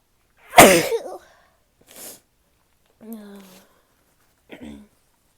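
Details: One loud, explosive sneeze from a female, followed by softer voiced breaths and a brief nose-blowing sound; sneezing.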